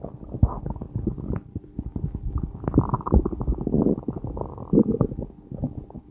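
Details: Active bowel sounds (borborygmi) from the abdomen, recorded on a day with long episodes of flatulence: continuous low gurgling and bubbling rumbles with irregular pops and clicks.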